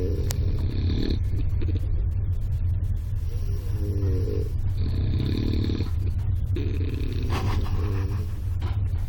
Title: Part 58: snore